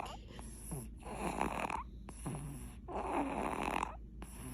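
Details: Sleeping baby: rhythmic rough snoring breaths, about two per second-long cycle, with a steady low background hum; snoring.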